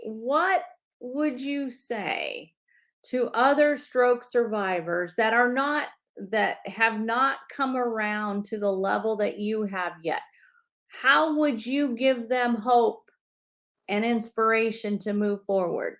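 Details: Adult woman speaking; normal speech.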